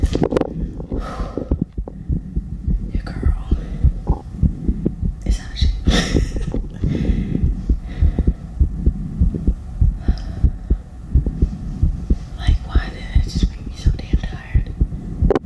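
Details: Fast, regular heartbeat of about 110 beats per minute, recorded after exercise in an ASMR heartbeat recording, with soft whispering over it: rapid heartbeat after exercise.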